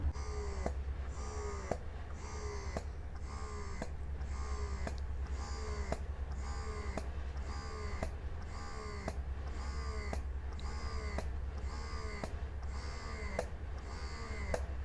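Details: Mom Uung portable electric breast pump switched to suction mode, run through levels 1 to 9: rhythmic motor hum with a rising whir and a click about once a second.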